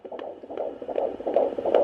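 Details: Fetal heartbeat at 15 weeks of pregnancy, heard at home with a handheld Doppler: rapid, regular whooshing pulses, about 155–160 beats a minute (counted at 159), fading when the mother tenses her muscles or moves.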